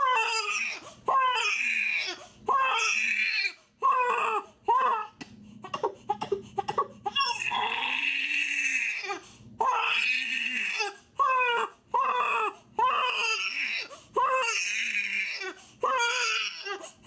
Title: Top Funniest baby crying videos # Top 10 Funny Videos Compilation 3